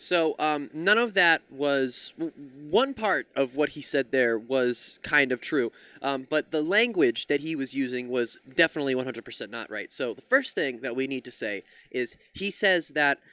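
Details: Adult male commentator; ordinary fluent speech.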